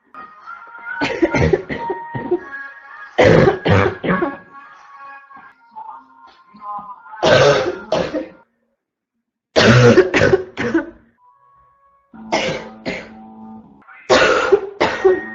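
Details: A female with a constant barking cough gives repeated harsh, hoarse cough bursts in clusters with brief pauses: barking cough.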